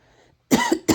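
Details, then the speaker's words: Two short, loud cough bursts after a quiet pause, the second briefer, from an adult woman who is sick, who says she has been coughing and has a headache. "I'm not also feeling well because I've been coughing and my head has been paining me."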